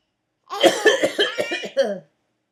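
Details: Adult father coughing while his baby laughs: a run of about seven quick, voiced coughs in one burst, ending in a throaty exhale; a plain repetitive cough.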